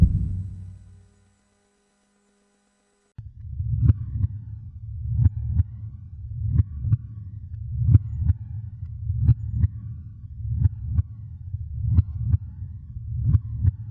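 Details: Simulated creepy heartbeat sound effect: slow, steady paired low lub-dub thumps, about 44 a minute, after a brief hum and silence; not a real recording.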